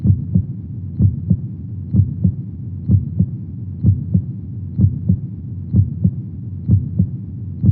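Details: Steady, regular lub-dub heartbeat at about 63 beats a minute, with low soft thumps and a faint hum, played as a soothing sleep aid for babies: normal heartbeat.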